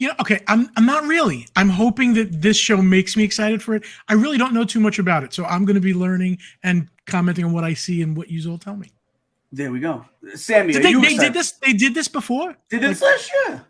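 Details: Adult speaker, casual talk show; normal conversational speech.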